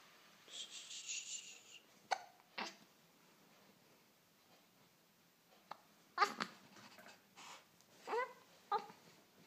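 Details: One-month-old baby with hiccups: several brief, abrupt hiccup sounds with short fussy, angry vocal sounds between them; ordinary infant hiccups.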